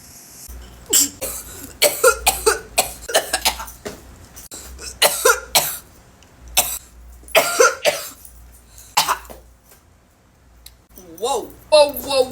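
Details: Repeated harsh coughing fit of about ten bursts from an adult after inhaling smoke (posted with vape and 420 tags), ending in vocal sounds.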